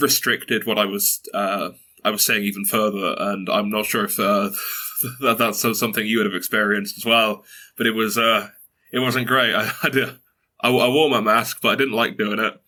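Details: 22-year-old man who has stuttered since early childhood, mother also stutters, reports blocks and repetitions; stuttering.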